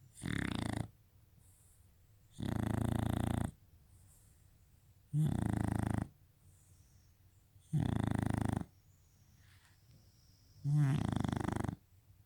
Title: Sharpei snoring